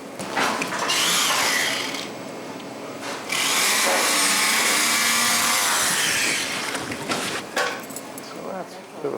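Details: Sternal saw opening the breastbone during open-heart surgery on a five-month-old girl with tetralogy of Fallot: loud high-pitched powered-saw buzzing in bursts, with brief talk and operating room noise.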